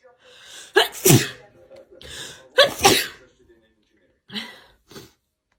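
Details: Girl sneezing after a Covid-19 nasal swab test: two forceful sneezes, each with a sharp in-breath before the burst, then two smaller sneeze-like bursts; swab-induced sneezing.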